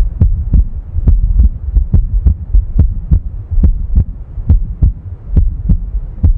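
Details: Steady low heart sounds at about 70 beats a minute with a faint background hum.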